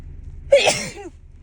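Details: A single loud, sharp sneeze with a quick intake and forceful burst of air, from a woman in a repeated sneezing fit, from her dust allergy with a tickling nose.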